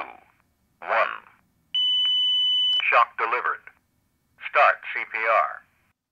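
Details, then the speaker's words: Fully automatic AED Plus voice prompts around a sustained electronic tone during a simulated rescue; AED voice prompts and tone. "when no shock is advised the fully automatic AAT plus does exactly what the standard semi-automatic model would do don't cut rotational analyzing stay clear don't touch patient analyzing no shock advised start CPR"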